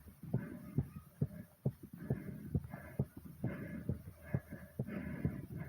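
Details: Fast, pounding heartbeat at about 130 a minute with hard, breathy breathing noise between beats, recorded right after exercising; a rapid heartbeat after exercise.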